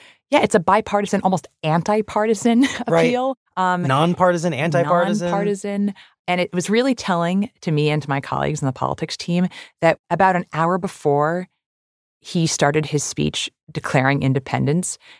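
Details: Adult speaker; normal voice.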